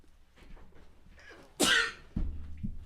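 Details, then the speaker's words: A quiet intake builds into one sharp, hissing sneeze followed by low thuds, during a sneezing fit; the sneezer attributes the sneezes to nasal spray addiction and tries to keep sneezes minimal. "I think I've said this on the show anyways it's because I try to like keep my sneezes like at a minimum"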